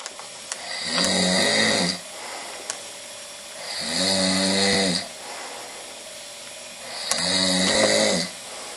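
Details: Male friend snoring loudly.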